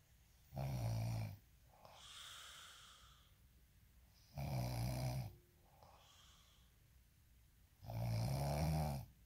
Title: snoring asmr sound 14